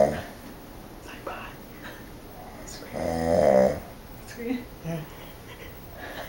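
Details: Man snoring very loudly while asleep: a loud, rattling snore of about a second rises over room noise, followed by softer snorting breaths; snoring.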